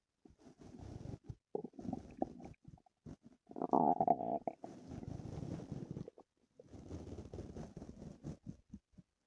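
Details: Stomach noises from a person whose stomach hurt the previous night: bubbling, growling gurgles in irregular runs over several seconds; active bowel sounds (borborygmi).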